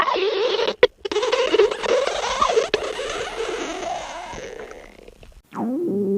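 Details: A girl's stomach growling: continuous bubbling, gurgling rumbles from the belly as gas and fluid move through the gut; borborygmi.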